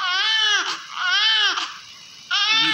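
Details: Newborn female baby delivered by normal vaginal delivery, Apgar score 7, very active, being cleaned with oil: strong, loud, rhythmic crying in repeated bursts with clear pitch, a vigorous healthy cry.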